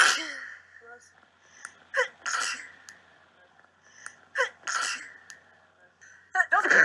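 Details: Compilation of sneezes from a Big Brother show: several sharp explosive bursts, each with a quick breath in before it, with light room noise.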